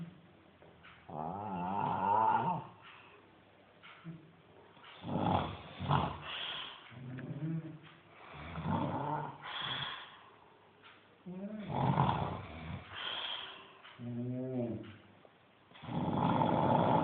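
Loud, rattling, vibrating snores with wheezy whistling tones, about eight breaths in seventeen seconds, roughly 28 a minute.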